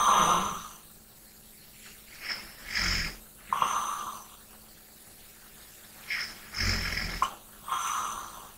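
Slow, noisy sleep breathing with hissy nasal in-breaths and short snorting rattles, about 18 breaths a minute: light snoring.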